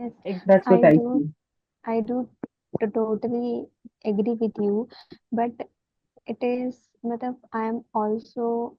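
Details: Adult woman whose stammer she says is worsening, with her mouth freezing on words; stammering.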